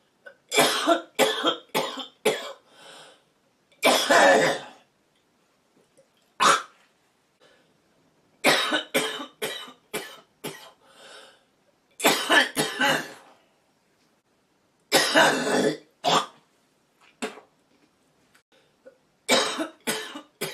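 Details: An adult woman who smokes, with repeated harsh, rattly coughing fits typical of a smoker's cough.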